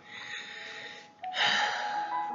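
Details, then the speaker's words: Adult with asthma and respiratory problems wheezing while painting: whistling tonal breath sounds from narrowed airways. "has been a bad summer for anyone who has asthma and respiratory problems like I do"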